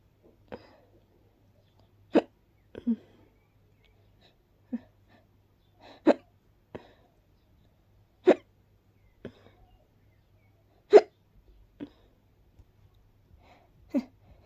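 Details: Person who reports being very allergic to pollen: brief, sharp bursts at irregular intervals with small hiccup-like catches mixed among them; repeated sneezing with hiccups.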